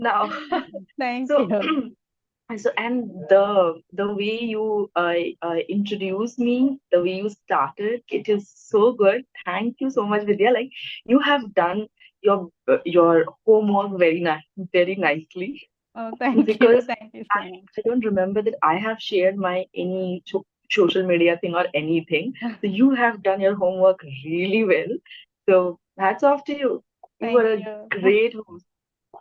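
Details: Adult woman who has stammered since her early school years; stammering.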